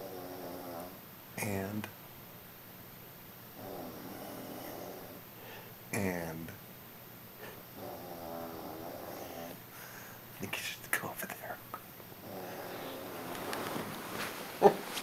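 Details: Man snoring loudly in sleep: soft, buzzing snores about every four seconds, with a few louder snorts and room noise.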